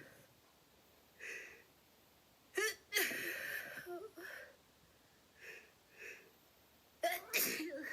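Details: Two loud sneezes preceded by short building in-breaths, with more breaths between them, in a quiet room; sneezing.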